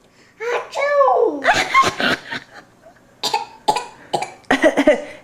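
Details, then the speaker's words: 18-month-old girl with her first real cold gives a few short, light coughs, mixed with giggles and voice sounds in a small room; cough. "good girl you cover your mouth when you cough huh oh poor man man oh poor man man"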